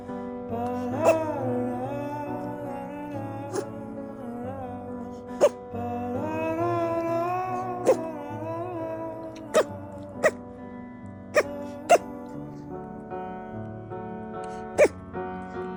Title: Bunny sneezing #shorts #trendingshorts